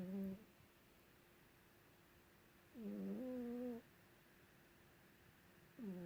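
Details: Female cat sleeping under a white blanket, snoring loudly enough to be heard from another room: slow, loud, rattling snores, about three over six seconds, with quiet pauses between; ordinary snoring.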